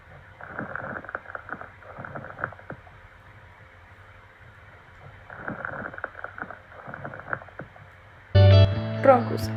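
Two breaths carry bursts of fine popping and bubbling noises, the crackles of fluid in the small airways.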